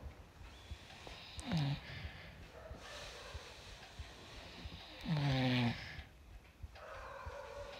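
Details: Husband snoring: two snoring breaths with a rough, fluttering low rumble that falls in pitch, against room noise; snoring.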